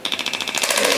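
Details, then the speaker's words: Shockwave therapy demonstration for tennis elbow, D20 head on superficial tissue, moved slowly along the muscle: rapid, sharp, regular clicking pulses from the handpiece on the elbow; shockwave therapy device firing. "so it's not actually shocking it's sending radio frequency mhm that's creating microt trauma to the area so again we can have more um so your body can send its stem cells to the area and more blood supply and more healing and just regeneration"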